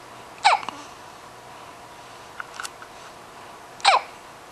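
Two sharp, squeaky hiccups about three seconds apart in a quiet room, with faint small sounds between them.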